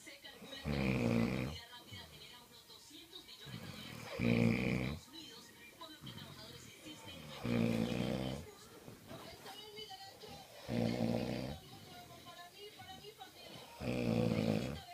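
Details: Two people snoring: loud, rattling snores about every three seconds, roughly 20 a minute, with a television playing faintly in the background.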